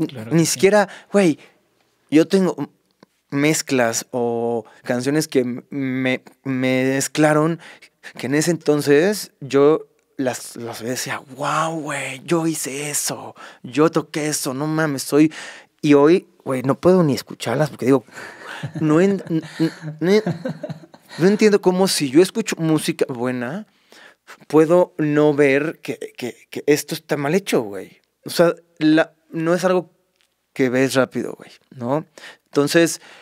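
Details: Adult male Mexican singer with stuttering (disfemia) present since childhood; he reports not getting stuck when singing.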